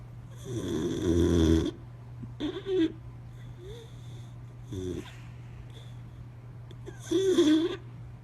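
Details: Boxer dog sleeping with its eyes open: loud rattling snores separated by quieter snorts and pauses, over a steady low room hum; snoring.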